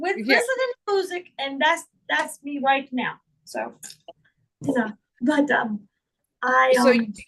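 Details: Woman with real foreign accent syndrome, speaking in her own voice; she also reports trouble remembering words, reading and saying big words.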